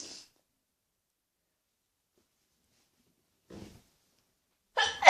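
Quiet silence, a soft indrawn breath, then one sharp, explosive sneeze burst at the end.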